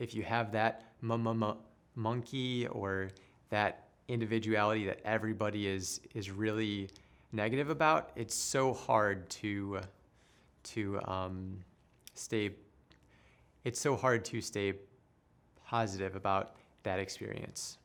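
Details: Stuttering in an adult who stutters and later became a speech therapist.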